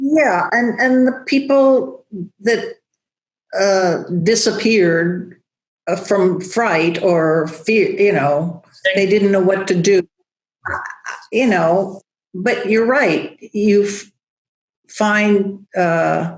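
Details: Woman, a yoga teacher, with aphasia after a large stroke affecting Broca's area, rehabilitating through breath and OM; still has word-finding trouble and halting speech; aphasia.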